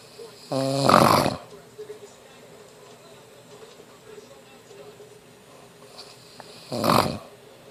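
Two loud, rattling snores several seconds apart, with quiet breathing and faint room noise between them.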